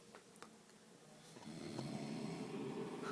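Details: Snoring from a college couple sleeping after a night of drinking: a rough, rattling snore builds on the in-breath in a quiet room.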